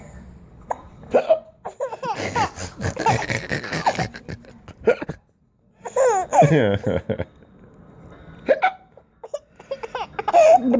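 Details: A 9-month-old boy with hiccups giggles and laughs, with short, sharp catches in the breath mixed with laughter, while his father talks softly in between.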